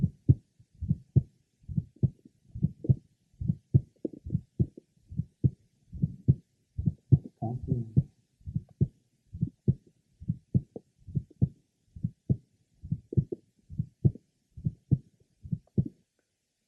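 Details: Congenital bicuspid aortic valve: faint grade 1–2 early blowing aortic regurgitation diastolic murmur with aortic ejection sound, diaphragm at the third left sternal border, patient sitting leaning forward, breath held in deep expiration.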